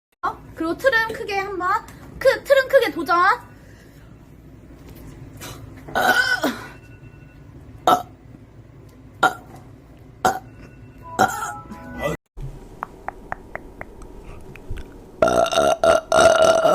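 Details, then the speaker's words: Korean livestreamer apologizing for burping a lot: loud drawn-out belches mixed with talk and laughter, short clicks and a final long belch; burping. "트럼이 오지게 나옵니다. 죄송합니다. 감사합니다."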